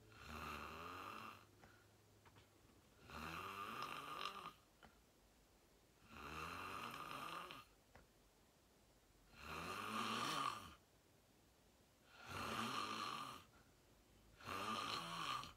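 Loud rattling snores on each breath in, about six in fifteen seconds, with quiet breathing out between them.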